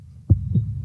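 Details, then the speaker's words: Normal first and second heart sounds, lub then dub, from AV then semilunar valve closure in one heartbeat: two low thumps. "now if you listen carefully you'll notice that with each beat there are actually two sounds being made they're typically described phonetically as love and dub"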